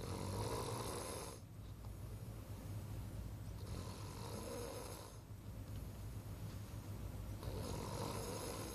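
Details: Low, rumbling snores on each in-breath, roughly every 3.5 seconds, with quieter pauses between; a person's ordinary snoring recorded during sleep at night.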